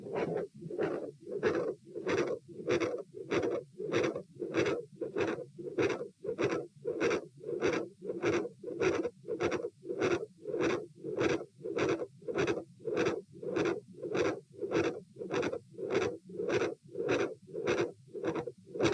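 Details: Heart auscultation at position A during a stress test (sitting, standing, bobbing, lying; 84-114-90 bpm): a fast regular beat near 100 a minute with a loud second heart sound and a continuous rushing murmur between beats.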